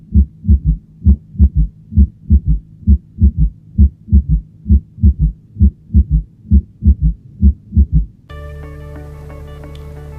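Regular low heart sounds at about 66 a minute in a three-beat gallop rhythm, an extra soft sound just before the first: S4 gallop. Music follows.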